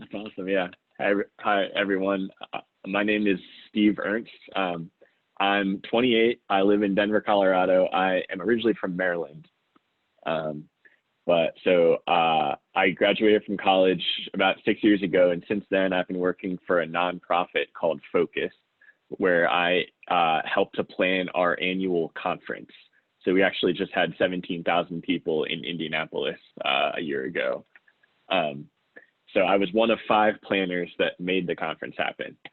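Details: 28-year-old man who is a person who stutters and sits on a national stuttering association board, speaking conversationally; real stuttering.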